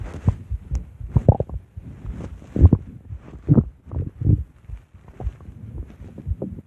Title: Big bad Ape stomach growls